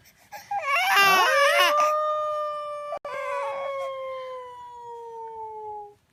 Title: Baby cries when he hears the sound of a wolf😂